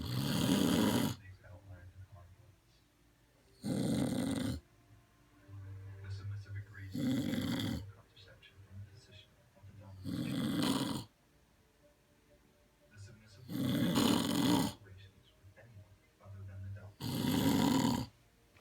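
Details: Loud, rough snores at about 18 a minute, each followed by a quieter exhaled rumble in a steady sleep rhythm; snoring.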